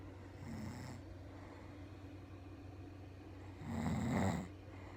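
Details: Adult woman (wife) snoring during sleep: two low, rumbling snores a few seconds apart over a steady room hum, the second louder and harsher.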